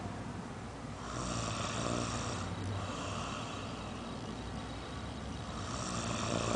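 Soft, low rumbling breath sounds rising and falling over a steady background hiss, consistent with gentle snoring.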